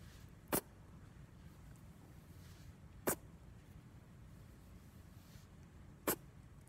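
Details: Lionhead rabbit: three brief, sharp, hissing sneezes about three seconds apart against quiet room noise; repeated sneezing.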